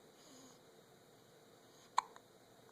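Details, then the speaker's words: Person with hiccups, addressed as "buddy": a single sharp, abrupt hiccup against a quiet background. "I got the hiccups buddy I got the hiccups like GMA"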